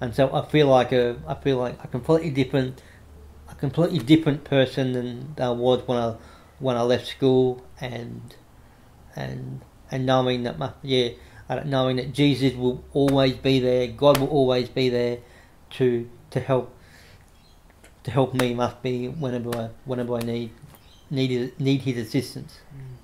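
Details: Adult man with cerebral palsy after severe meningitis in infancy, affecting right arm and leg, who reports a mild stutter he tries to control by calming down; repetitions of words and phrases audible; stuttering.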